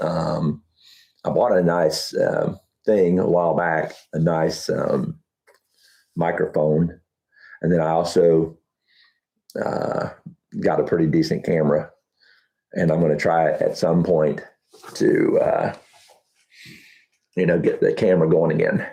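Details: Adult man with Huntington's disease about 12 years after diagnosis (10 years also stated), reporting that talking has become challenging and that his thinking is less methodical than two years ago; speech difficulty in Huntington's disease.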